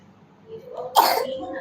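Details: One short, forced cough burst from a child deliberately faking a cough to avoid going to tuition: voluntary (feigned) cough.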